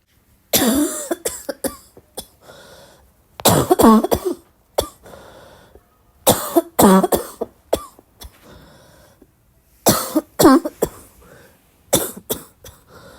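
Repeated harsh, barking cough bursts from an adult, in clusters of two to four coughs.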